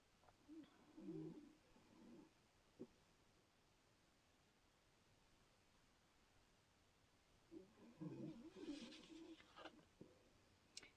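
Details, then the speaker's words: Sleeping female dog snoring in a quiet room: two soft, low, slightly whistling snores several seconds apart. "the sound you hear it's my dog she's snoring I'm sorry for that I hope it can uh it can work I don't know if you hear it I think you do"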